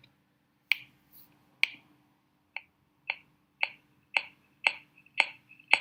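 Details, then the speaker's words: Nine short, sharp finger-percussion taps over the lower chest with a slightly damped note where lung overlies liver, a normal relative dullness (submatidez); impaired percussion note. "Bien, chicos, entonces esto es lo que nosotros denominamos submatidez."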